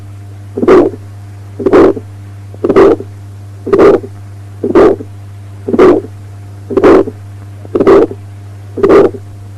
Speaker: Aortic stenosis with an ejection systolic click and a murmur.